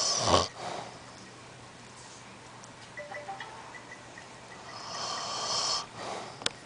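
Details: Loud snoring from a sleeping elderly man (grandpa): a sharp, loud snort, a quiet pause, then a long rasping breath; snoring with snort-like pops.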